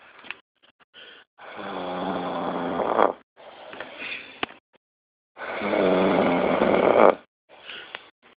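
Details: Two long, loud, rattling snores on inhaling, each followed by a softer breath out, with quiet gaps between; ordinary heavy snoring during sleep.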